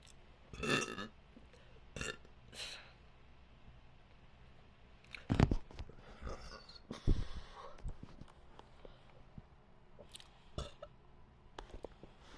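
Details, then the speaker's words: Repeated voluntary burping after deliberately swallowing air: several deep, rumbling belches of varying length, some drawn out, in a quiet room. "I'm running out of error have to let it rise to the surface before I canvert more hold on I just had a slch"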